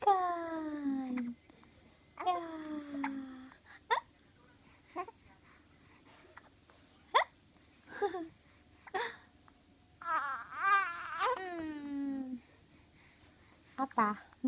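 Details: An infant coos with falling squeals while playing, then makes a run of short, sharp hiccups about once a second.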